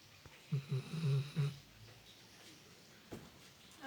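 A short burst of several low, grunting snore pulses from a sleeping dog, then quiet room noise.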